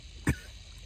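A single short, low-pitched cough from an adult man, heard once against quiet room noise.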